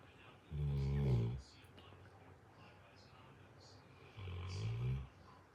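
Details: Two loud, deep rumbling snores, each about a second long with a quiet pause between, from a sleeping Cane Corso dog; ordinary snoring.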